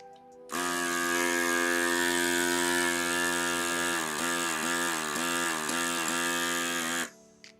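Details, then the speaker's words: NeilMed battery-operated electric nasal aspirator used on a baby girl almost one year old, removing a little mucus: loud, steady, buzzy motor whine with several brief pitch dips, very strong suction. "very strong suction with loud noise"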